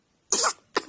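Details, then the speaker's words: Baby girl sneezing, one of three in a row in the morning: a brief, sharp, hissy infant sneeze burst, with the start of another burst at the end. "you again three times oh my goodness okay got all the sneezes out"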